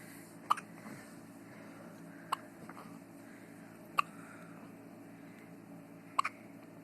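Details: Four short, sharp hiccup sounds at irregular intervals over a steady low background hum: hiccups.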